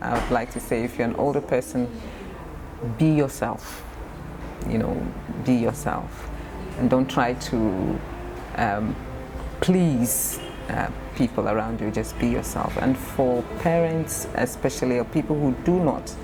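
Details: Adult speaker; stammering.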